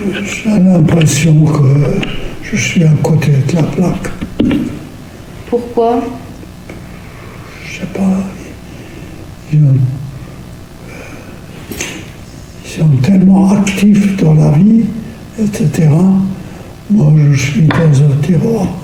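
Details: Hypophonia in a man with Lewy body disease under speech therapy: soft, weak voice, somewhat hesitant and slow, without major language difficulties.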